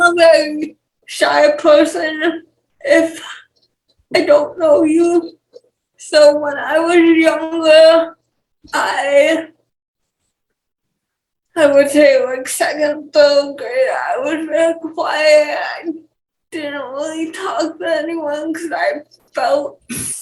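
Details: 28-year-old woman with cerebral palsy and speech issues; dysarthric speech in cerebral palsy.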